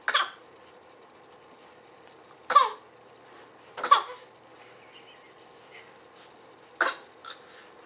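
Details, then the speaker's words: Infant, per the video a baby who has newly learned to fake a cough, gives a few short, light cough-like bursts on purpose. This is a deliberate pretend cough, not an illness cough: voluntary (pretend) cough. "看，我又学会了新 trick， 假咳嗽。"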